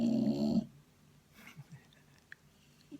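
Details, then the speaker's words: Wife snoring while asleep (she insists he is the one who snores): a loud, rumbling snore ends the breath, then quiet breathing with faint soft sounds; snoring. "and she reckons it's always been you snoring can you hear it listen"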